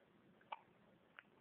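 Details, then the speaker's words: Infant old enough to be encouraged to crawl, with hiccups: two brief, soft, sharp catches about 0.7 seconds apart in a quiet room. "got hiccups oh oh"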